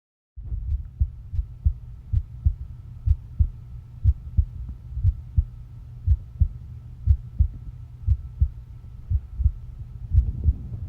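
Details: Person's own heartbeat recording: steady paired thumps at about 60 beats a minute over a low, constant hum; normal heart sounds.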